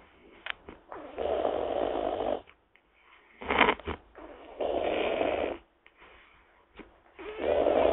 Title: WILD BOAR SNORING!